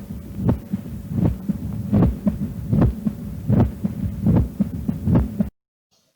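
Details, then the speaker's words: Quail rhythm (opening snap rhythm) typical of mitral stenosis: three-part cadence near 75 a minute, loud snapping first sound, second sound, then opening snap of the mitral valve. "часть это усиленный хлопающие первый тон вторая часть это тонн открытие митрального клапана о котором мы только что говорили и третья часть это второй тон ритм перепела очень часто наблюдается при таком пороки сердца как митральный стеноз"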